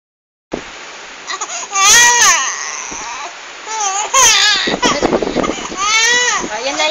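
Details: Baby girl crying in repeated loud, wavering wails with short whimpers and catches of breath between bursts; infant crying.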